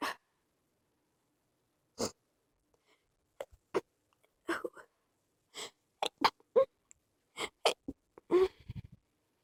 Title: Stifles sneezes